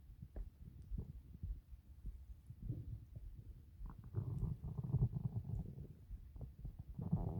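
Low gurgling and rumbling from the belly, ordinary stomach growling as gas and fluid move through the gut.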